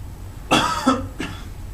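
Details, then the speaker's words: Manually assisted cough: three deep upper-chest breaths, a hold, then a pectoral squeeze with downward chest pressure, producing a single forceful voiced cough and a softer second burst; airway-clearance technique demonstration. "so here I ask them to hold I started to squeeze a little bit and then it's really more about peck squeeze with a little bit of downward pressure"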